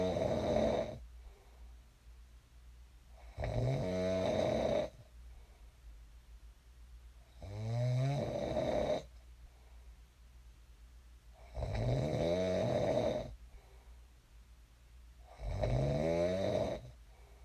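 Loud rattling snores on each breath in, about 15 a minute, with quiet breaths out between; ordinary snoring.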